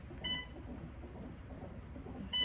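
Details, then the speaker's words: Labour and delivery at 39 weeks pregnant: two short electronic beeps about two seconds apart over room hum, an IV infusion pump alarm; mother thinks a bag of fluid has run out. "i don't know what's over there beeping i think one of the bags of fluid is all gone"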